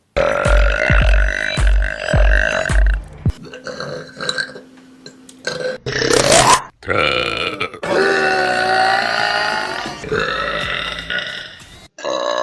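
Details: Compilation of burps: loud, long, rumbling belches in a row, one drawn out into a voiced croak, with music behind.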